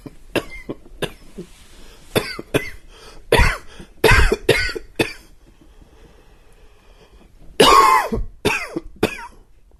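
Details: Two bouts of short, dry adult coughs, some bursts with a faint whistling, wheezy edge: a dry wheezy cough.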